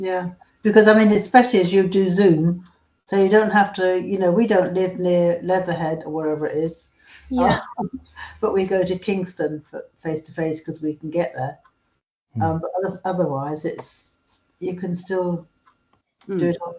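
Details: Adult woman speaking; normal speech.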